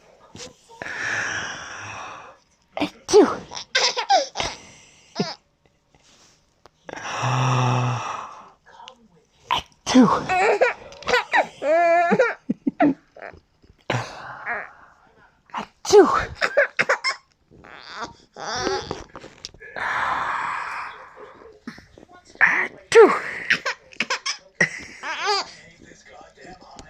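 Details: Adult (baby's father) sneezing several times in a row, each sneeze followed by the baby's bright, giggling laughter.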